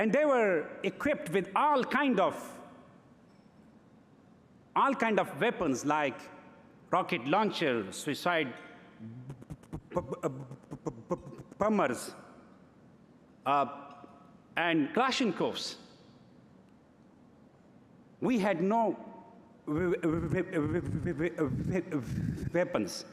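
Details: Adult man who has stuttered since early childhood, giving a live speech at a stuttering-institute benefit gala; stuttering.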